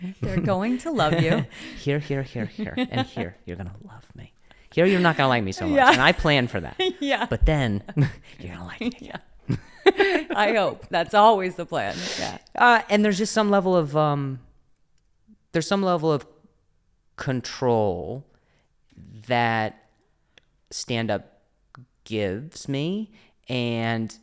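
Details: Adult male comedian with a stutter who also mentions a past injury; real, unscripted speech with word and phrase repetitions; stuttering.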